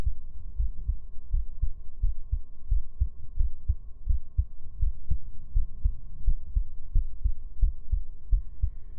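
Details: Steady low thumping heartbeat at about 87 beats a minute, with a faint constant hum behind it.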